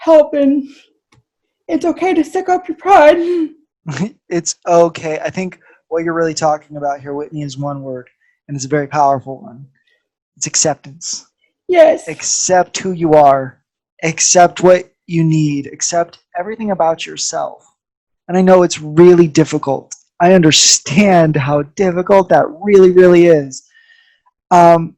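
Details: Adult speaker; ordinary speech.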